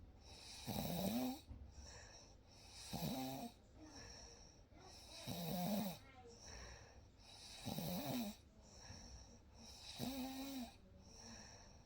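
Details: Real night recording of a sleeping baby snoring: regular rumbling snores on each in-breath, about 26 a minute, with quiet out-breaths and faint room noise; ordinary snoring.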